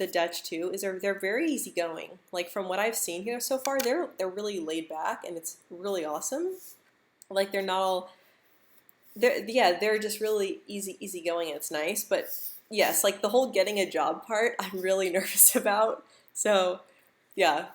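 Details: Adult woman who stutters, speaking English live; she reports stuttering more when stressed, insecure or nervous, with jaw and tongue tension; stuttering.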